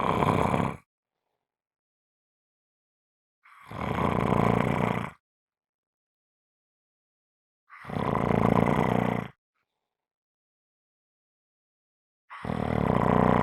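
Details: Strong snoring: four loud, harsh, roaring snores about four seconds apart, separated by silence.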